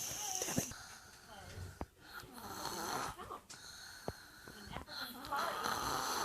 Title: Snoring 2 yr old